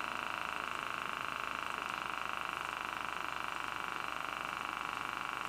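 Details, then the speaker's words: Wrist blood pressure monitor on an adult told to check pressure daily, after about 5 minutes' rest: self-test, then steady buzzing pump with fast regular pulsing as cuff inflates; reading 147/96. "It says it runs a self-test first, and then it inflates."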